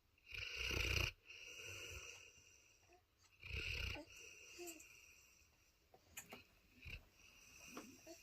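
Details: Loud, rough snorting snores from a sleeping Cane Corso dog (tagged as a puppy), with quieter breathing between them: snoring.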